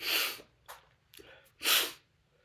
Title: Chhinkni Sneezing while reading The Raven Part 2